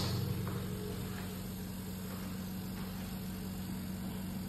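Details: Sonopet (Stryker) ultrasonic surgical aspirator (CUSA), which combines irrigation, suction and ultrasonic power, switched on after priming: a steady low mechanical hum with faint room noise.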